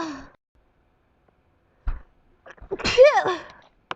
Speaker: this morning I was sneezing like crazy my allergies are really acting up I guess cuz of spring weather spring allergies here